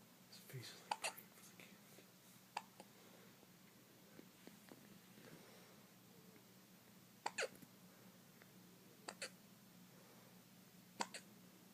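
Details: Baby boy with repeated hiccups: several sharp, brief catches a few seconds apart, with faint room noise.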